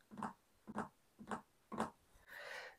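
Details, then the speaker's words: Rapid heartbeat in three-part groups, about 120 a minute, an extra third heart sound like a galloping horse; gallop rhythm, a sign of heart failure. "Та іноді з'являється третій рівноцінний тон. І робота серця нагадує звуки коня, який біжить галопом."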